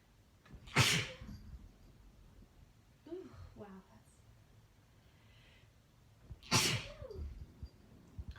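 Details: Two forceful, explosive sneezes several seconds apart with soft exclamations between, from a woman with sneezing deliberately induced by Chhinkni snuff; part of a repeated, hard-to-stop sneezing fit.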